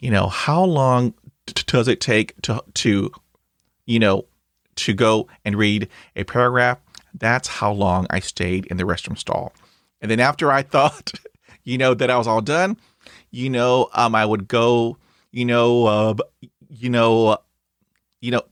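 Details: Stuttering in a 52-year-old man who has stuttered since childhood and reports blocks and repetitions; here heard as word repetitions and fillers.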